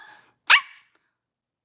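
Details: Young woman with Tourette syndrome; bark-like vocal tic (barking).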